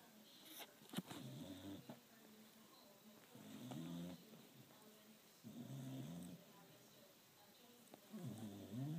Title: Try not to laugh:funny dog snoring